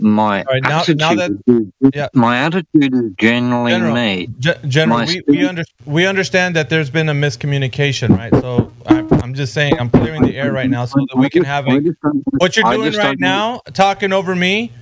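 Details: Adult male speaker; typical speech.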